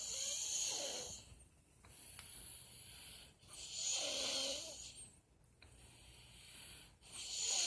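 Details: Light snoring recorded April 24, 2018: hissing, raspy breath noises about every three seconds, mostly high-pitched with little low rumble.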